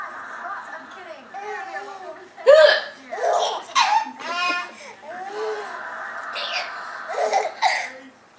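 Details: Grandmother making hiccup sounds, possibly fake, for a laughing young child: sudden sharp catches mixed with laughter-like sounds, a few in a row; hiccups.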